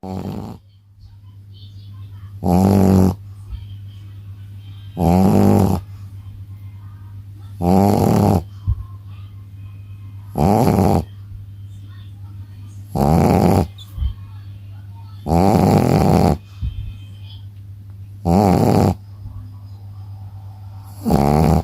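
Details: Loud, regular snoring from a sleeping Shih Tzu dog, about 23 snores a minute, over a steady background hum.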